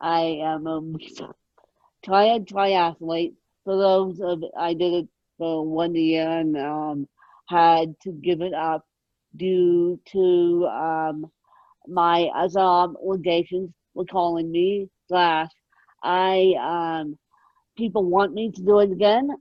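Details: Adult woman born with cerebral palsy, moderate ataxic type, mid-spectrum severity, needing 24-hour care; ataxic dysarthria.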